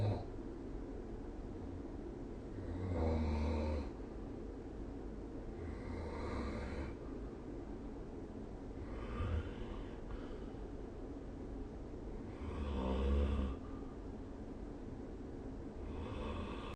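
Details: Sleep recording from a snore-tracking app: steady low hum with periodic louder rasping breaths every few seconds. Snoring during sleep.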